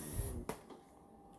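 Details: Electric Hoyer patient lift raising a man with a tracheostomy on a ventilator, in a solo transfer in a small room with a well-used sling: brief low motor hum, then a click and quiet room hiss.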